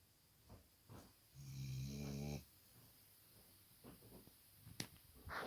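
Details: Sleeping black Labrador dog snoring: one loud, buzzing snore on an inward breath, with soft breathing around it.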